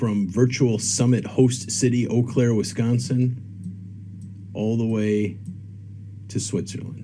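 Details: Adult male speaker; ordinary speech.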